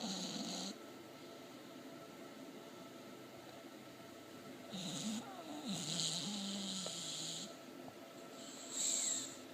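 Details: English Bulldog asleep and dreaming: rattling, snorting breaths with some whimper-like sounds; snoring.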